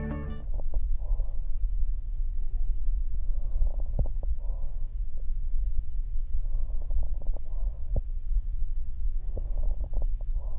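Blowing, hollow breath sounds over the chest, heard as bronchial breathing from lung consolidation or collapse.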